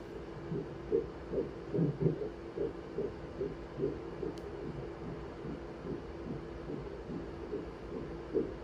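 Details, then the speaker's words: Fetal heartbeat at about 142 beats per minute at a first pregnancy ultrasound appointment, judged normal: rapid, regular whooshing pulses over machine hiss. "our rate is about 142 sounds good"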